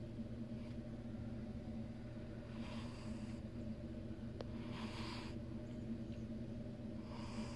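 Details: A female cat sleeping deeply after a long day snores softly and rhythmically, roughly every two seconds, over a steady low rumble of room or vehicle noise.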